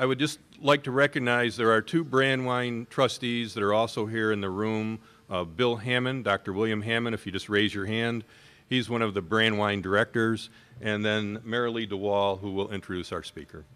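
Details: Adult man speaking; Normal speech.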